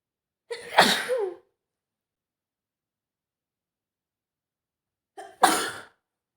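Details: Simulated sneezing: a woman acts out a girlfriend who caught a cold, with two sharp sneezes, each preceded by a short indrawn breath and separated by silence.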